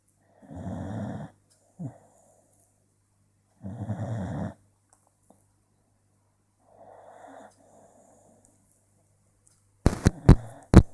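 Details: Low, fluttering snores on each in-breath about three seconds apart, with softer exhalations and a few clicks at the end.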